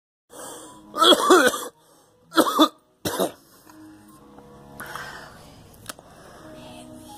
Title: Coughing